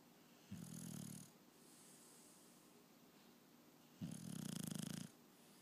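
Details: Two low rattling snores on breathing in, a few seconds apart, with quiet breathing between; snoring.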